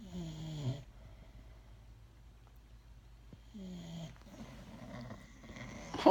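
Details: Pit Bull dog snoring: rough, droning snores repeating about every three seconds in sleep, over low room hum.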